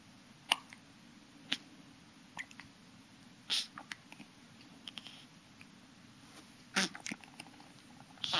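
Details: Brief, sharp hiccup clicks at irregular intervals in a quiet room: ordinary hiccups in a small animal.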